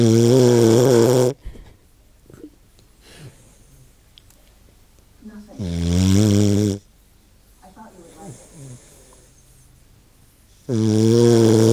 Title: OMG snore doggy